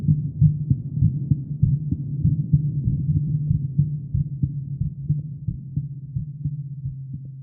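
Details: Female heartbeat: steady low thumping with a continuous low hum underneath, roughly 98 beats a minute; normal heartbeat.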